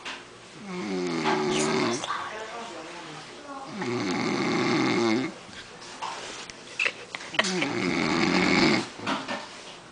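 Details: Adult man asleep after drinking margaritas: loud, vibrating snores on long breaths, about 17 a minute, with some fluttering throat noise; snoring.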